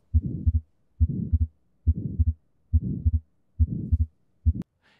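Regular heartbeat at about 70 a minute, with a rushing murmur after the first sound and a doubled second sound, heard in atrial septal defect.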